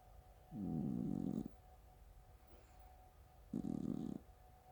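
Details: Two low, buzzing, rattly snores about three seconds apart, with quiet pauses, through a relaxed throat during sleep; the snores sound like farts.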